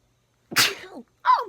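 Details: Person sneezing, finger-on-nose suppression trick failing: one loud, explosive sneeze with sharp intake and burst, then a brief voiced sound; sneezing.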